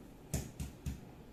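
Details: Resonant (sonor) percussion note, three quick hollow low-pitched taps over the anterior chest, percussed systematically top to bottom and side to side during a lung physical examination; normal finding over healthy lung.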